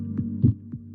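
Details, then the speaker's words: Soft low heart thumps over a steady background hum, demonstrating the normal first heart sound (S1, 'lub'), produced when the tricuspid and mitral valves close simultaneously. "The S1 heart sound occurs when the tricuspid and mitral valves close simultaneously."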